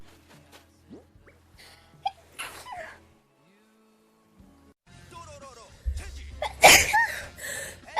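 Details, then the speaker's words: A sharp, explosive sneeze after a gasp, with game sounds, music and speech in the background, from a person sneezing while playing a video game. "Oh fuck. I just sneezed. A laughing stock."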